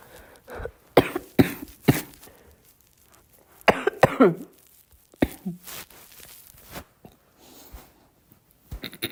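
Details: Girl coughing: repeated short, sharp coughs in small clusters with pauses between, in a quiet room.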